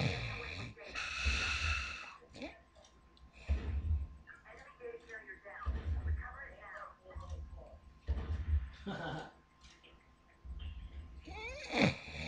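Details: Loud, rough snoring from a sleeping woman, with irregular rattling and snorting breaths and pauses between them; extreme snoring.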